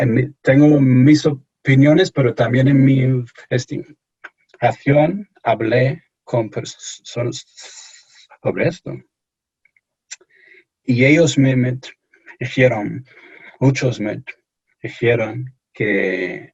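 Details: Stuttering in an adult English-born man speaking Spanish as a second language, who reports anxiety and pressure when speaking.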